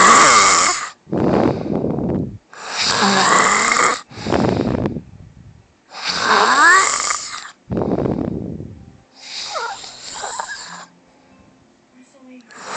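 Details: Wife snoring in sleep: loud, rough snoring with harsh rattling breaths in and out, roughly 19 breath sounds a minute, irregular in loudness and pattern; snoring.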